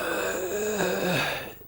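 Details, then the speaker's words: Imitated, not real, demonstration of an asthmatic's strained, whistling, prolonged out-breath through constricted, inflamed bronchi, with breathing out harder than breathing in: expiratory wheeze. "it's breathing out that's difficult and you can hear them really wheezing and laboring to breathe out through these constricted inflamed narrowed bronchial passages"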